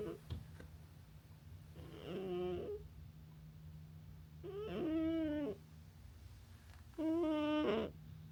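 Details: Sleeping cat snoring: three tonal, whistling snores on its breaths, about 22 a minute.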